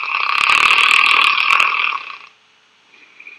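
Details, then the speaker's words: Adult male model asleep, snoring with airflow limitation; turbulence on the airflow curve as upper airway vibration frequency and loudness rise breath by breath: loud, harsh, rattling two-second inspiratory snore, then quiet. "notice the turbulence on the airflow curve breath by breath the frequency of the upper airway vibration increases along with the loudness of the snoring snoring also increases the effort required to breathe and it can be rather noisy"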